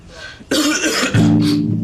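A single harsh, acted adult cough burst, followed by a brief sustained musical tone.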